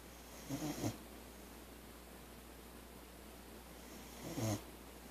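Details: Snoring in a sleeping boxer dog: two low, rattling snores about four seconds apart over a quiet room hum. The owner says she snores louder usually and sometimes sounds like an old man with a head cold.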